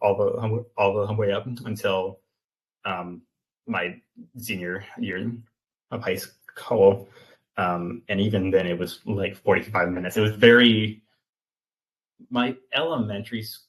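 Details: Stuttering in a 28-year-old man, an open stutterer, speaking in an interview; he has stuttered since childhood and had speech therapy from elementary through high school.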